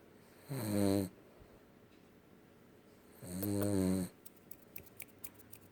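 Two drawn-out, buzzing snores about three seconds apart, with soft clicks and snuffles afterward; snoring in a sleeping dog.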